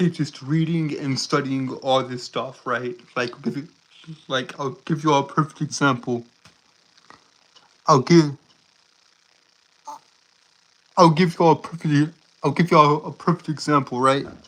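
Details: Stuttering in a male streamer who reports a speech impediment: he stutters, trips over his words, and repeats words and phrases.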